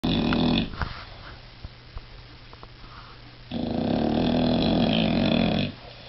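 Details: British bulldog sleeping flat out, snoring loudly: a long, rough breath, a quieter pause with small snuffles, then another long rattling breath.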